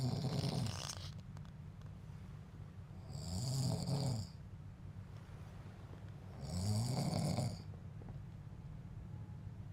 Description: this man was secretly recorded by his son while asleep. the man snores everyday but denied this always when questioned by the son,the son secretly record this funny video.